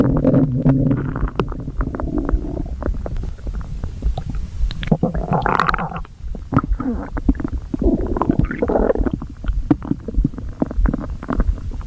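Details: Stomach growling after overeating: loud, continuous low growling and gurgling with bubbling pops throughout.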